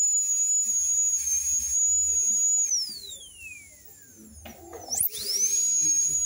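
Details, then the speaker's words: High-speed dental drill during veneer preparation in a diastema case, with a subgingival cervical finish, around the change to an extra-fine bur: a steady high-pitched whine that winds down, goes quiet briefly, then spins back up. "Voy a cambiar de fresa por la denominación extra fina."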